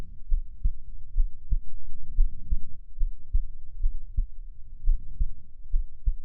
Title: Rest your head on me... (Heartbeat sounds)